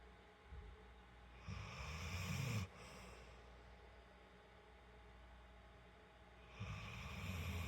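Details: Shelter dog gently snoring while napping on a couch: two soft, low rumbling breaths several seconds apart over quiet room noise.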